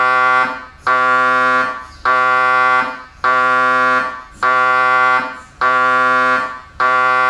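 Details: MRI scanner noise: loud, steady buzzing tone in repeating bursts about once a second, fading between pulses.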